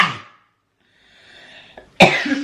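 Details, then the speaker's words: Sick person with eye inflammation and watery eyes sneezing: a burst, then a quiet drawn-in breath followed by a sharp, explosive sneeze in a small room. "кто- нибудь знает какие-либо народные средства от чихания и воспаления глаз, пожалуйста, сообщите нам."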